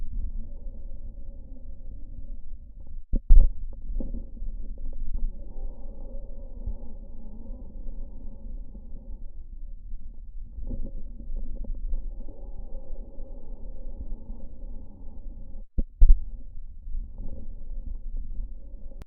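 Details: Prolonged musical, whistling wheezes throughout breathing with brief pauses, from an asthma patient and a COPD patient in acute exacerbation, with normal breath sounds between; wheezing from narrowed bronchi on inspiration or expiration.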